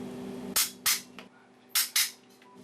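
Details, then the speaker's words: Biopsy gun firing: four sharp, loud cap-gun-like snaps, in two pairs over a faint hum, as a spring-loaded needle via transrectal ultrasound samples prostate tissue, including MRI-suspicious areas, under local anaesthesia; ten cores taken in total. "따끔 그립니다. 총소리 나니까 놀라지 마십시오."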